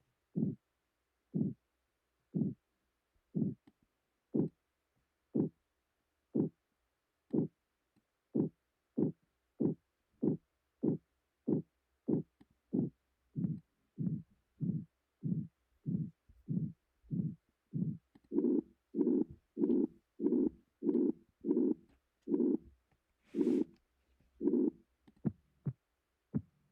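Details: Simulated pulsatile tinnitus, program-generated replication of what a sufferer hears: rhythmic whooshing pulses, slow then speeding up and louder.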